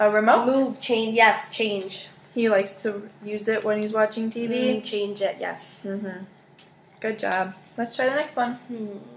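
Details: Adult woman speaking (clinician); no disorder.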